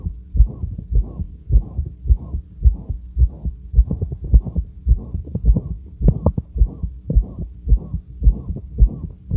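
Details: Heart auscultation at rest: regular, calm heartbeats with a loud, harsh whooshing murmur through each beat; the murmur is always present but varies in intensity, usually quieter and less harsh; heart murmur.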